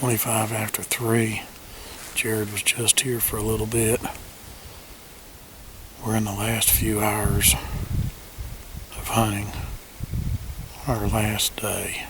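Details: Adult male speaker; ordinary speech.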